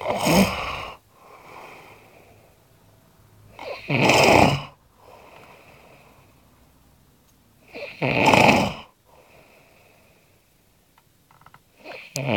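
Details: Heavy snoring from a man during sleep: loud, harsh snores about every four seconds, roughly 15 a minute, with softer whistling breaths between; varied animal-like noises.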